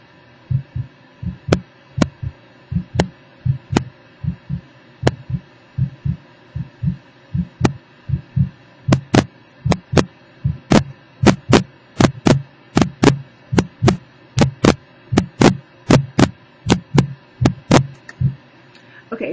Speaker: Um, that would be the sound of a heartbeat through a stethoscope. Very basic rhythm, very simple.